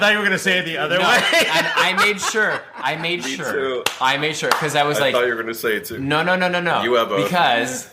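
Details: Audible stuttering in an adult male professional actor who has worked on it for years, uses techniques such as sliding consonants and pausing, and says he does not stutter when acting.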